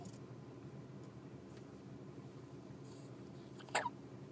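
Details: Sleeping person with squeaky hiccups: a single sharp, squeaky hiccup over quiet room noise.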